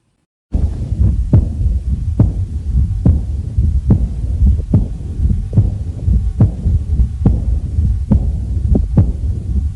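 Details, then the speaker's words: Teaching recording on aortic regurgitation, in which S1 is said to be often absent and S3 common: heartbeat about 70 a minute with a soft whooshing murmur after each beat, the murmur of aortic regurgitation. "Aqui temos o som da insuficiência aórtica."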